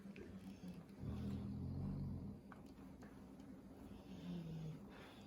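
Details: Low, rumbling snore lasting over a second, then a shorter softer one, with faint background noise, while resting after eating; snoring.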